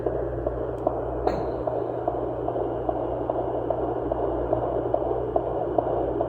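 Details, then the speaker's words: Rapid, regular galloping whooshes over a steady hum, roughly 140 a minute, sounding like a galloping horse: fetal heartbeat on a Sonoline B home fetal Doppler with aloe gel in a plus-size pregnancy. "Right now, this is the baby's heartbeat. This is the baby's heartbeat, guys. Sounds like horses. Sounds like horses."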